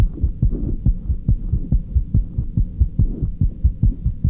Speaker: the heart rate changes with age in the first year of life the heart rate is about 140 beats per minute in the second year 120 in the fourth a hundred in the eighth ninety